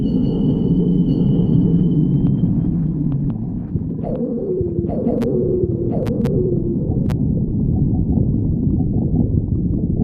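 Low continuous rumbling with a run of gurgling, falling squeaks midway: stomach growling from gas and fluid moving.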